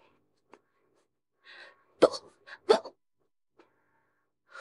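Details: Woman gets hiccups right after drinking a can of beer: several short, abrupt, voiced hiccups with sharp onsets separated by quiet pauses.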